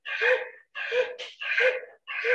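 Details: Dog with laryngeal paralysis: a loud, harsh, rasping noise on each breath in, repeated in quick cycles, an inspiratory stridor.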